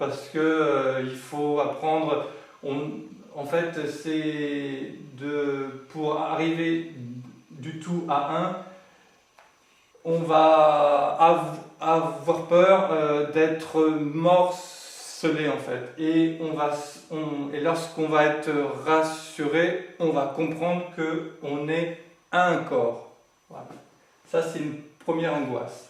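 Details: Adult male who has lived with stuttering for 20 to 40 years since growing up and says he is now managing to speak through it; stuttering.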